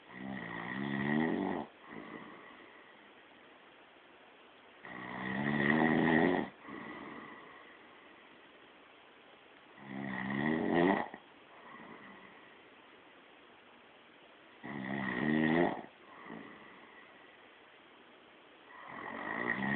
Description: i got caught snoring, it wasnt me!?